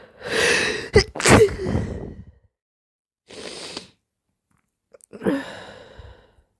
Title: Very wet sneezes and gentle moans ~ #sneeze #sneezing #snz #wetsneeze